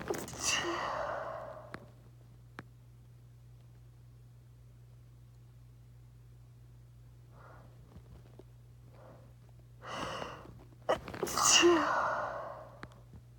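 A loud burst near the start, then quiet, then an in-breath and a second forceful sneeze; two sneezes.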